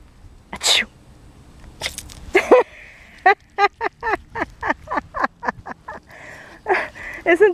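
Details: A Havanese dog in board-and-train sneezes on cue as a newly taught trick, giving a run of short, sharp nasal bursts with quiet room noise behind.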